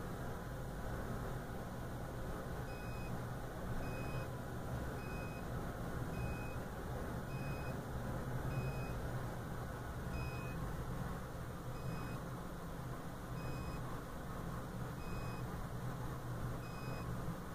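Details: Steady low machine hum with short paired beeps about every 1.2 seconds as a refurbished GE Achilles heel ultrasound bone densitometer runs its daily quality assurance scan on the phantom, with alcohol applied to the membranes.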